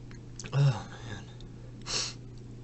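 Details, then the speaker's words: Sneezing: two short sneeze bursts, the first with a voiced catch before the blast, the second a sharp hissing burst, over low room hum. "Oh, wow. God bless me. Hope you like it."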